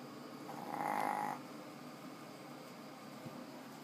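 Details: Fat chihuahua snoring: one short, squeaky, whistling snore on a breath over a steady low room hum.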